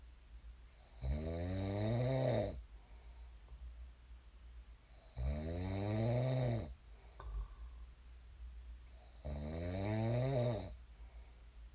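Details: Real sleep snoring of a person who snored and then woke up: deep, buzzing inspiratory snores, about 15 a minute, quiet breathing between.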